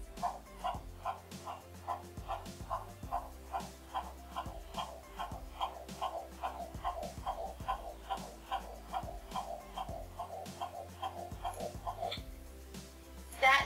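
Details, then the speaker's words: Fetal heartbeat on Doppler at 14 weeks one day, IVF pregnancy with a girl: rapid, regular whooshing pulses about 145 beats a minute over a steady hum. "is a heartbeat which is her heartbeat at feet 14 weeks one day"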